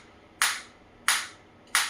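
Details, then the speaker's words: A focused (not radial) shockwave therapy device applied to the operator's own hand, giving three sharp snapping clicks about two-thirds of a second apart. "now I will increase the intensity by One by one slowly slowly so you can feel the difference."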